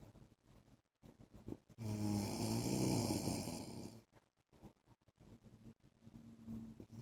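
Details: Adult man's snoring during sleep: a single loud, rough, rattling inspiratory snore between quieter breaths.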